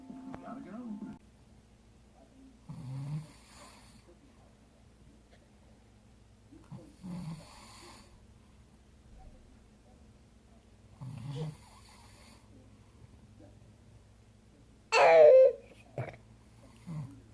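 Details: Someone snoring in sleep: low rattling snores about every four seconds with quiet gaps, then a louder snort near the end, over steady room hum.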